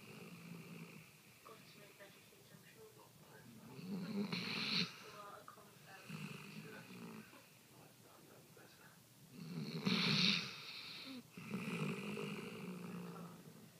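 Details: Light snoring: soft, irregular snuffling snores and breathing sounds with two louder snorts over faint background noise.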